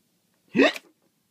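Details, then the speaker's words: Simulated hiccup: a re-enactment by someone who had recently had bad hiccups. A single sharp, abrupt voiced gulp. "it was really annoying especially cuz I hardly ever get the hiccups so I'll show you a bit what it was like"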